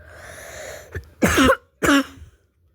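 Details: Person who says they are very sick: two short, harsh coughs after a faint throat sound, with no mucus rattle; dry cough.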